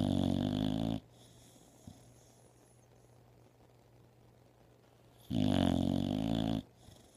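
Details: Sleeping dog: two long, loud, rattling snores about four seconds apart with a quiet pause between; loud snoring.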